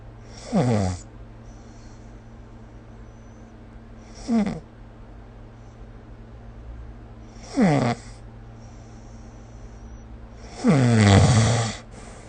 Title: 🐽 Snoring Sleep Sound / いびきの音